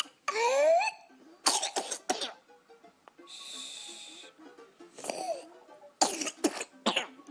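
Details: Whooping cough (pertussis) in a young boy: bursts of repeated coughs with high-pitched strained inspiratory whoop between them, soft background music; parent comforts him afterward.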